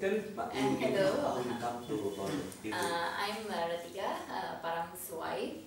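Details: Adult woman speaking; typical adult female speech.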